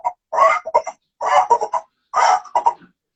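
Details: Woman with an officially diagnosed Tourette syndrome gives abrupt bursts of wordless clucking, squawk-like vocal noises, a vocal tic.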